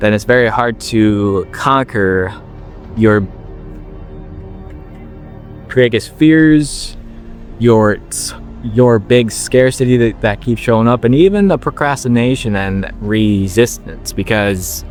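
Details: 21-year-old man with a stutter since he could talk, working to overcome it by slowing down; word repetitions audible; stuttering.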